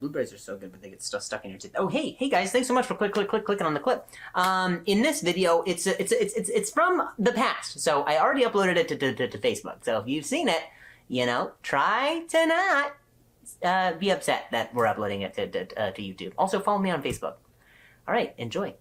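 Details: Male stand-up comedian who stutters, speaking live on stage; he says people talking close to him while he talks make him stutter, and he mentions a softball injury; stuttering.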